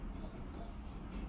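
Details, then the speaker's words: Patient complaining of unrefreshing sleep and morning tiredness imitates snoring on request during flexible endoscopy, breathing through nose; low rough fluttering from soft palate, uvula and lateral walls vibrating: imitated snoring. "burnunuzdan nefes alın lütfen yine horlar"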